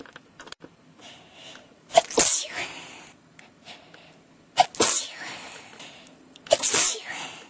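Three forceful sneezes in quick succession, each a sharp burst trailing into a hissing exhale, with quiet indrawn breaths between: a sneezing fit.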